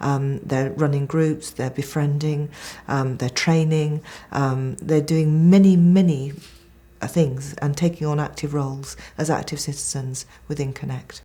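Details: Adult woman speaking; normal fluent speech.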